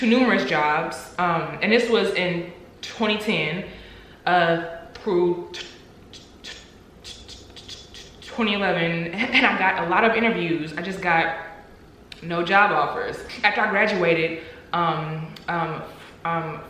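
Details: Adult woman who stutters, speaking about working with her stutter; stuttering.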